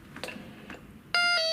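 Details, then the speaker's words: Chair pressure-pad falls monitor: a few faint taps, then a loud, steady, high-pitched alarm as the patient stands up off the pad; it resets itself if the patient sits back down. "you will hear that alarm hopefully the patient will hear that alarm and sit down and if that was the case it will then reset itself"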